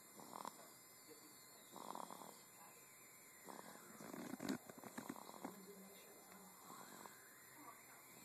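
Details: Soft, irregular snorting breaths, some with a brief fluttering rattle, against steady room hum: light snoring.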